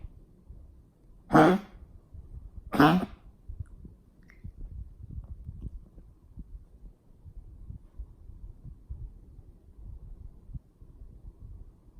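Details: Dog's morning cough: two short, harsh coughs in quick succession, then quiet breathing and rustling.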